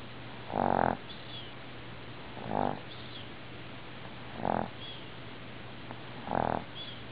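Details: Four short, buzzing snores about every two seconds, around 30 a minute, with soft squeaks between: a dog snoring in sleep.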